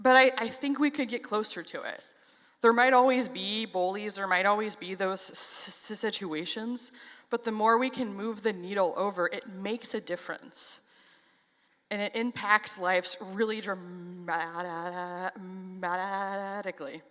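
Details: Stuttering in a 33-year-old adult who has stuttered since age 6; reports stuttering less on stage than in casual videos.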